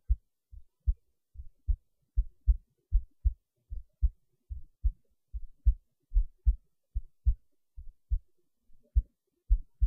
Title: heartbeat recording